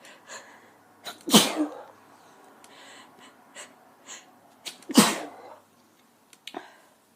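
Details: Female, random sneezes: two loud, explosive sneezes, each after a short breath in, with soft breathing between.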